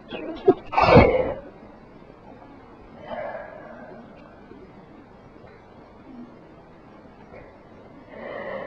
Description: I induced most of these. I was sick so that helped a little.